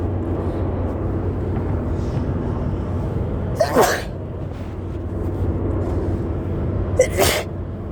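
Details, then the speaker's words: An adult sneezing repeatedly while driving, nose tickly, possibly from the cold: two forceful, sharp explosive sneezes about three seconds apart over steady car engine rumble; sneezing. "I've been sneezing the entire ride there. Yeah, they just won't stop. A little tickly."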